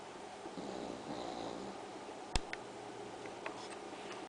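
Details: Sleeping pug in various sleeping positions: soft, snuffling snores with a few sharp clicks in a quiet room; snoring.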